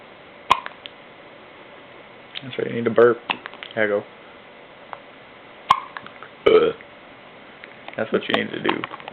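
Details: Several short throaty burp-like sounds from a child who has the hiccups, with soft adult talk in a small room; burp.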